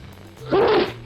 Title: Coughs, Sneezes, and Jet Propelled Germs (1945) | Sneezing in public #shorts #ytshorts #health